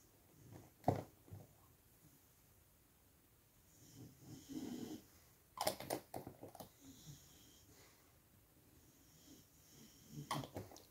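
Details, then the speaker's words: A sleeping female dog aged about 14 to 15, curled up on a jumper, snores softly and irregularly, about 13 snores a minute, with sharp clicks and handling noises in a quiet room. "She's getting on a bit. She's 14, 15 now, something like that. And yeah, she snores a bit, bless her."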